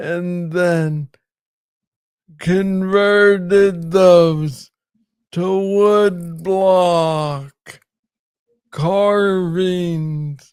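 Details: Adult man with Parkinson's disease diagnosed in 2014 at age 35, first misread as tennis elbow, described as speaking slowly; Parkinsonian hypokinetic speech.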